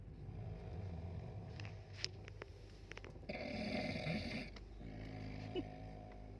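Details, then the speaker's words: Loud, rough snoring from a sleeping adult passenger on an overnight train to Kolkata, over steady train rumble; persistent snoring that keeps others awake. "আমরা এখন নাক ডাকার শব্দ শুনছি, নাক ডেকেই যাচ্ছে, কিছুতেই নাক ডাকা আর থামছে না।"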